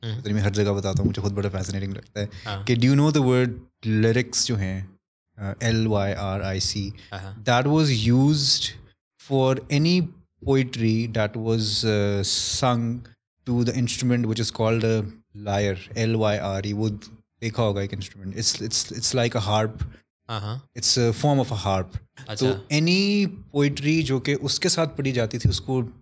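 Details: Adult male musician who discovered his stammer later in life; it worsens when nervous or anxious, varies with good and bad days, is absent when singing, and he has had no formal treatment; stuttering.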